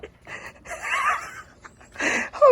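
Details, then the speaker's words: Adult man, self-described old and overweight, laughs with breathy, squeaky, whistling gasps instead of a voiced laugh; wheezy laughter. "that was my old man laughs my old fat man guys whenever you start laughing and you start wheezing instead I'm gonna do it now then you know you got problems"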